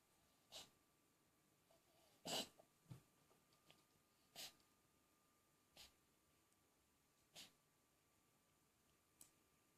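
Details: A dog gives about six brief, dry, airy coughing bursts, evenly spaced, in a quiet small room.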